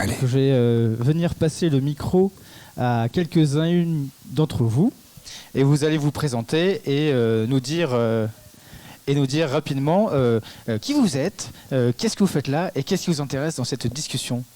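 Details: Adult speaker; normal voice.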